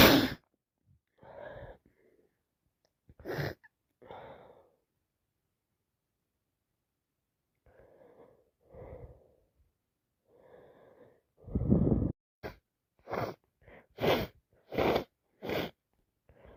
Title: More cold sneezes 🤧